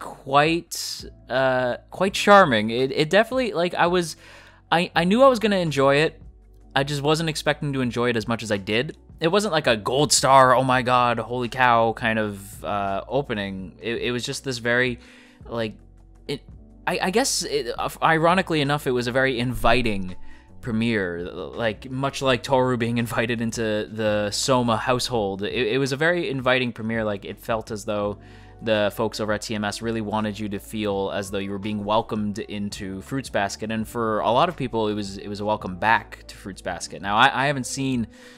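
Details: Adult male who self-reports stuttering; sound and word repetitions heard throughout the clip, consistent with stuttering.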